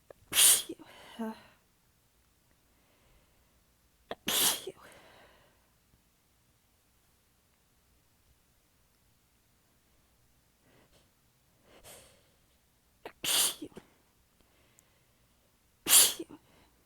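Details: Five sharp sneezes in about seventeen seconds, several weakened or partly held back, with quiet gaps and soft breaths; the person was exhausted with sore abs and biting them back. Sneezing fit.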